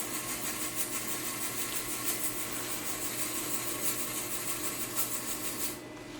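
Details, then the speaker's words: Steady buzzing hiss with a faint hum and light rattling that stops near the end: an Elma ultrasonic instrument cleaner running a 10-minute cycle cleaning instruments before autoclaving. "I have it in 10 minutes. I'm going to go ahead and put start and swip. And this is going to go on for 10 minutes."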